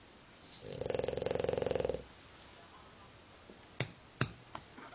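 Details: Dog snoring like a pig: a loud, rattling, pig-like snore on the in-breath, followed by quiet clicks and snuffles.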